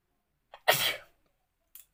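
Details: Sneezing challenge, sneeze induced by tickling the nose with a folded paper strip: a brief intake sound, then a single explosive sneeze; an ordinary sneeze.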